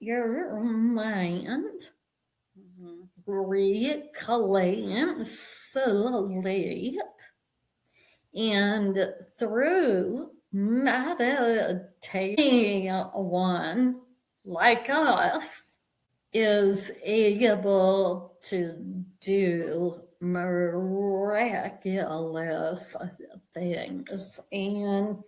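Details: Adult woman with a vocal tremor that she and the host attribute to over 50 years of narcissistic abuse and trauma beginning at age five, manifesting after decades of abusive relationships; vocal tremor.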